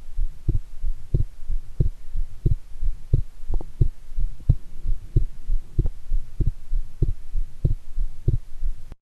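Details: Own heart sounds recorded after a shower, while excited about an upcoming heart-themed TV program; strong, forceful, regular heartbeat at about 88 beats a minute with a low background hum.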